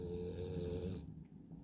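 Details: Drowsy dog sitting upright on command, nodding off but staying seated: a single low, buzzing snore, then quiet; snoring while half awake.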